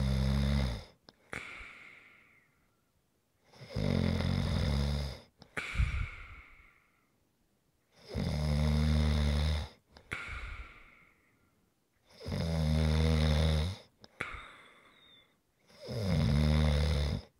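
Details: ASMR snoring recording: regular loud, buzzing snores, about 15 a minute, each followed by a softer whistling out-breath and a short silence; snoring.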